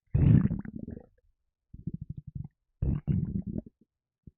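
Three low gurgling, bubbling runs of rapid pulses, the first loudest, in a quiet setting. Stomach rumbling from gas and fluid moving.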